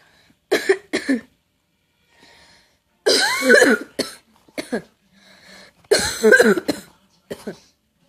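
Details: Cough bloopers: several harsh coughs in short clusters with quiet gaps, in a small room; a plain cough.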